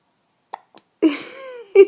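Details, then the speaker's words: Infant nearly 4 months old, who also hiccupped often in the womb, hiccupping: small abrupt catches, each followed by a brief infant vocal sound; hiccups. "and the amazing hiccups can you do some noisy ones for us again hiccup champion"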